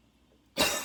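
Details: During a repeat coughing fit with wheezing, inhaler badly needed: after a brief quiet moment, a single harsh explosive cough begins and is cut off quickly; barking cough.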